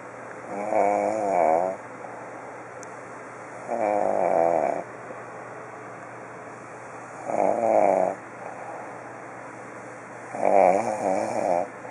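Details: Person snoring during sleep: loud, buzzing, wavering snores on each in-breath, about 20 a minute, with quiet breathing out between them.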